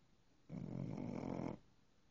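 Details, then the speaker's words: A single low, rough, rattling snore lasting about one second from a sleeping dog in a quiet room; snoring. "Brady, you're snoring. Brady, you're snoring."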